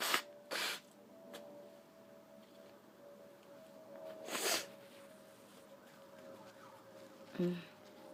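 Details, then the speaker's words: Person with a tickling nose: a few short, sharp bursts of air, sneezes with nose blowing, in a quiet room with faint steady hum; sneezing. "Oh, my nose tickles again. Ew. One more, I think."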